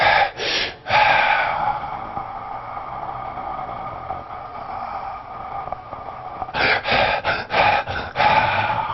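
Quick, gasping breaths, then about five seconds with no breathing, then rapid breaths again: a cyclic pattern of Cheyne-Stokes respiration.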